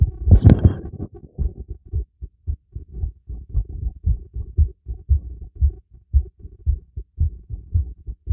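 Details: Stethoscope heartbeat after light exercise: steady, quick, low thumping, somewhat fast, with a rustle at the start; normal heartbeat.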